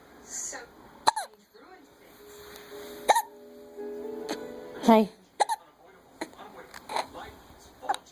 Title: Another case of the hiccups